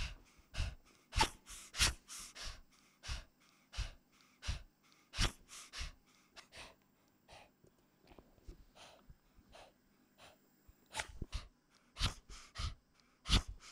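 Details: 15-year-old, 4.4-kg male Chihuahua with persistent cough a month after tracheal surgery (extraluminal prosthesis, permanent tracheostomy): noisy upper airway breathing from laryngeal paralysis and collapse, with dynamic pharyngeal obstruction on expiration.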